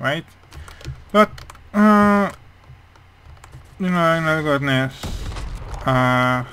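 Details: Speech of a male speaker with a hearing problem, which he says mainly explains how his voice sounds, though he is unsure whether his accent also plays a part; speech of a person with hearing loss.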